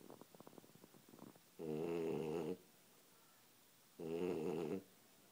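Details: Sleeping upside down on a chair, snoring: loud, rattling inhaled snores about every two and a half seconds, with quieter snuffling between them.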